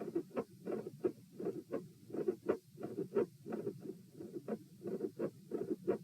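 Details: Heart auscultation at position P during a postural stress test (lie, sit, stand, lie; 72 bpm supine, 84 sitting, 108 standing, 72 supine): rapid sounds with sharp mid-beat clicks and split S2, mid-systolic click.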